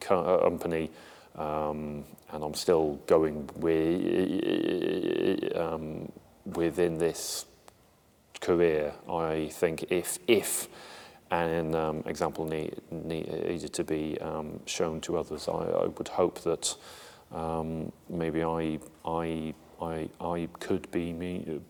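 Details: Adult male Armed Forces serviceman who stammers; word and phrase repetitions are heard; stammering.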